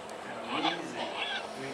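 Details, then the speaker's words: Harsh, raspy, wheezy noise on inhalation in a young Black Russian Terrier with juvenile laryngeal paralysis and polyneuropathy; trouble moving air in, unlike asthma's exhale: inspiratory stridor from laryngeal paralysis. "contrast with asthma it's easing when they inhale whereas asthma is more of an exhale and so you see that kind of breathing pattern where they have trouble moving air into their airway."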